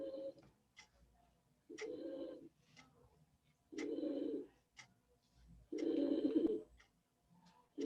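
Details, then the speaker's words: Repeated harsh, cooing, tonal noises on breathing in, with quieter breaths out: laryngeal stridor in multiple system atrophy. It occurs mainly at night but can also appear by day and be heard during a consultation. "otro síntoma muy frecuente es este estridor laríngeo que sucede principalmente durante la noche"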